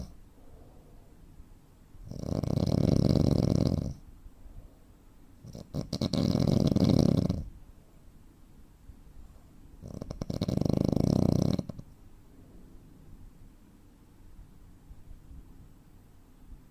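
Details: 43-year-old man, 85 kg, 165 cm, real recording during sleep: three loud rattling snores about every four seconds, then several seconds of silence with no breathing, snoring with a breathing pause typical of obstructive sleep apnea.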